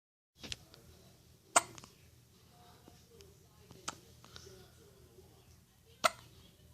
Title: Baby with hiccups